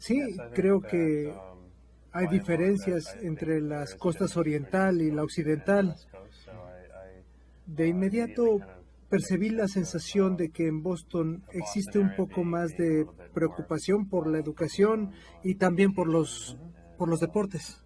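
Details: Adult male speaker (patient in a teaching role-play); normal speech.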